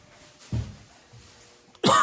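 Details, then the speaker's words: Adult coughing while cooking Pad Ped curry in a garage: a brief dry cough then a sharper one, attributed to spice fumes (chili, herbs) released into the air. "you can hear me coughing away stuff like that that's just because all the herbs and everything that's in that curry that we saw that's uh cooking it releases into the air"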